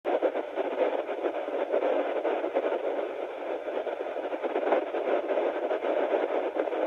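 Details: Sonoline B fetal Doppler at 9 weeks of pregnancy; unsure whether the baby's heartbeat is being picked up. Continuous hissing static with no clear rhythmic heartbeat heard.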